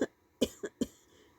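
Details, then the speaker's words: Cough in an adult sick about five days with severe headache, sore throat so bad swallowing water hurts, chills, hoarse voice; coughing brings on the urge to vomit: three short, harsh coughs in quick succession, quiet room. "sore throat so bad swallowing water hurts uh cough where you coughed so you want to throw up"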